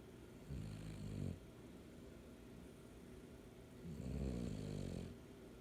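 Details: Two low, rumbling snores on the in-breath about three seconds apart, roughly 20 breaths a minute, with quiet gaps between them; snoring.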